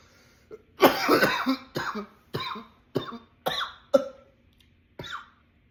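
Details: A run of about seven harsh coughs in quick succession, the first long and rough: a runaway coughing attack.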